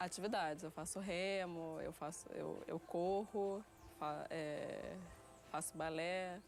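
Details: 30-year-old woman with developmental stuttering since early childhood that worsened around age 7; her stutter involves blocks more than repetitions.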